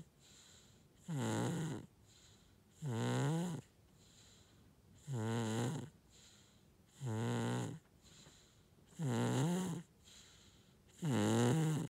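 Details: Snoring: regular rattling snores about every two seconds, roughly 30 per minute, each with a wavering pitch and a softer breath between.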